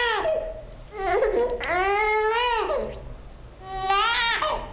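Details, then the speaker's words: Newborn hunger cry: short rising-falling bursts with a nasal 'neh' onset, said to come from the sucking reflex of tongue on palate. "O choro da fome é um choro de né."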